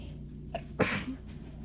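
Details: A single forceful, explosive sneeze after a brief catch of breath, in a quiet room, during a short but intense, itchy, painful sneezing fit; some sneezes came from the chest, with possible wheezing on exhales during buildups.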